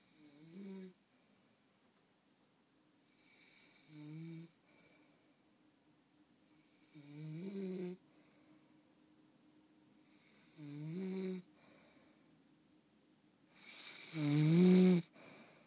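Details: Regular low, rumbling snores on each in-breath, about 17 a minute, the last one loudest; Tia snoring.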